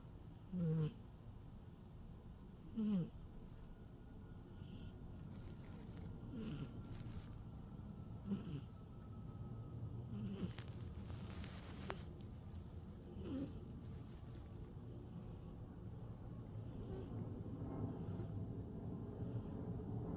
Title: Umi the Cat - Awake Snoring